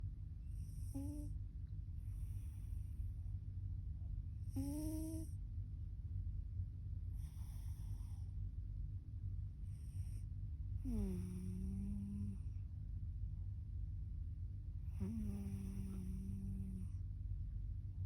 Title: Snoring Cat 😭